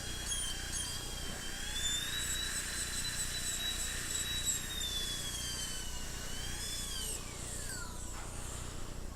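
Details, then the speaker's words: Placement of four porcelain veneers on a patient with peg laterals: steady, high-pitched whine of a high-speed dental drill, shifting in pitch as it lightly smooths a veneer's incisal edge, over a low background hum. "Very lightly smoothen this incisal edge up."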